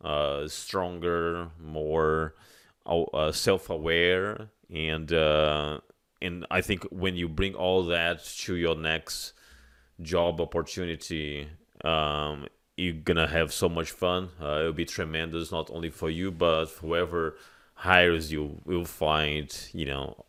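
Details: Adult male speaker; normal speech.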